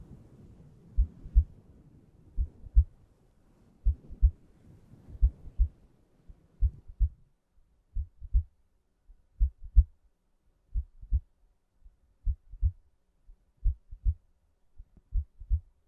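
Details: Calm, regular ASMR heartbeat with steady paired low lub-dub thumps at roughly 80 beats a minute and soft hiss early on; normal heartbeat.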